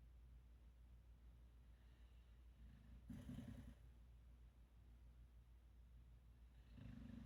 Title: Snoring Bear waiting for the snow to begin #dog #dogs #dogshorts #doglife